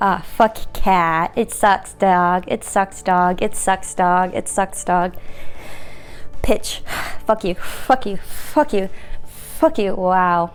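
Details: 31-year-old woman with Tourette syndrome and ADHD having a tic attack mid-sentence, which she links to suppressing tics for too long; vocal tics with coprolalia.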